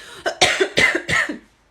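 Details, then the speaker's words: Acted comedy skit: a brief throat catch then three quick, dry, forceful coughs in a row, blamed on a tickle in the throat; a short coughing fit. "No, I'm fine. Sorry, it's just like a tickle in my throat."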